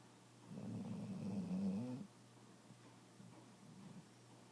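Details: Snoring: one low, rattling snore of about a second and a half, then softer breathing in a quiet room.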